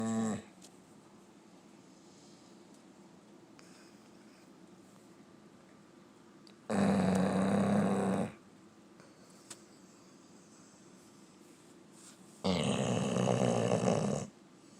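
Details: Black and tan Labrador sleeping, recorded close up: loud, rumbling snores about every six seconds, each over a second long, separated by quiet breathing; dog snoring.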